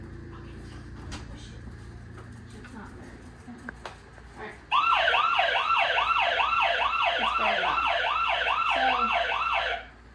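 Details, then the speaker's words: Home call button alarm in a house set up for a trach- and ventilator-dependent child: a loud warbling electronic alarm, rising and falling a few times a second, sounds for about five seconds after the button is pushed. "what else then we have another call button right here so you push that it'll go off go our"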